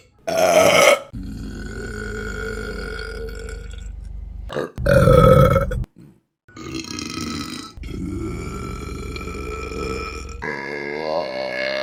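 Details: Burping compilation: several long, loud, voiced belches with brief pauses between them; repeated burping.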